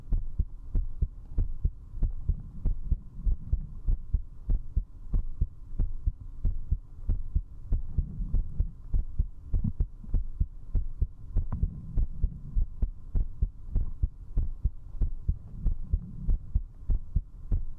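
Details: Strong, fast, regular heartbeat at about 98 beats a minute, heard close up over a low hum, recorded at zero distance with a 3Dio binaural microphone while drinking alcohol; fast heartbeat.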